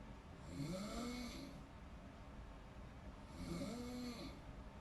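Two rough, buzzing snores about three seconds apart, each a drawn-in breath with a low flutter, heard against steady room noise.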